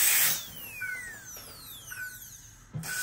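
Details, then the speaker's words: 14-year-old Jack Russell under dental anaesthesia, cheek abscess from a carnassial tooth: high whining dental drill with gliding pitch and water-spray hiss smoothing the extraction socket before closure; dental burr smoothing an extraction socket. "what i'm doing now is i'm smoothing out the the socket so it's nice and smooth so i can close the jet so i can close it well"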